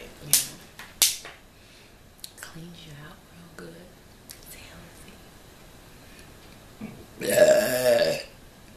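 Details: An adult eating a Subway steak-and-cheese sandwich and drinking water makes a few sharp mouth clicks and quiet lip sounds, then one long, loud, voiced burp lasting about a second; burping.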